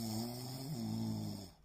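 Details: Sleeping person gives a single long, low, buzzing snore with a steady droning pitch that dips midway and fades at the end; ordinary snoring.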